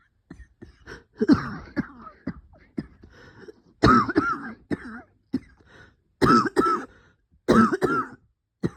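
Repeated harsh coughs and throat clearing with brief high whistling wheezy tones after several bursts, fitting coughing with bronchospasm.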